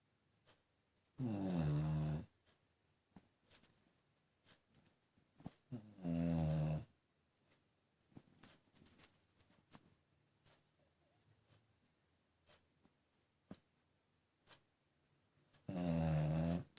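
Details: Sleeping beagle snoring: deep, loud, buzzing snores on each breath in, about three in the stretch, separated by long quiet gaps.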